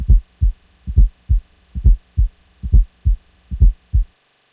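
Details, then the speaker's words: Simulated heart sounds at about 67 beats per minute with a soft extra sound in late diastole just before each S1, heard best at the apex with the bell: fourth heart sound (S4), atrial gallop, from blood forced into non-compliant ventricles. "The S4 heart sound is heard best at the cardiac apex with the bell of the stethoscope. It is heard in late diastily and is often described as an atrial gallop rhythm."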